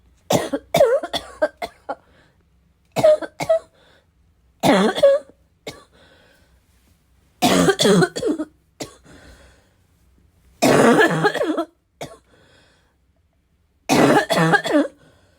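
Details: Repeated harsh, barking, chesty coughing in short fits with pauses, slight wheezy edge; self-described as a little wheezy, a little chesty, barking as always, part of a 5-minute bad coughing fit: chesty barking cough.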